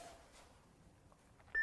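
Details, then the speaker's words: Training AED in a first aid CPR demonstration on a practice casualty: after voice prompts "shock advised, charging, stay clear of patient", a quiet room then a sudden steady high ready-to-shock tone. "Shock advised. Charging. Stay clear of patient. Stay clear."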